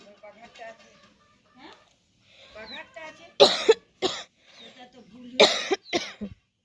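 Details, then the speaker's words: Real, not acted, cough from a cold caught after returning from a trip, described as a cough that will not stop; soft talk, then two pairs of loud harsh coughs and a throat clear. "फिर आने के बाद से मेरा तबीयत मतलब ठ ठंड वगैरह लग गया है तो खासी का तो रुकने का नाम ही नहीं है तो खाते खाते मेरा एकदम हालत खराब"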